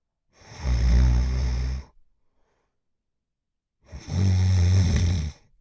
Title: Middle Aged Female Snoring Loudly Sound Effect